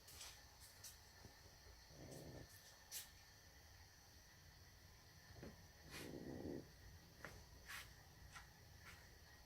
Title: Cat snoring